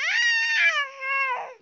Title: Crying Baby Got Viral Video - Mifi